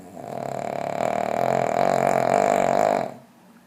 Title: LOUDEST DOG SNORING